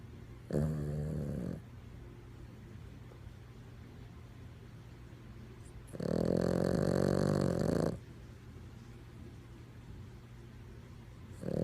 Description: Holy smokes what is that?!? Oh it's just a Chihuahua snoring!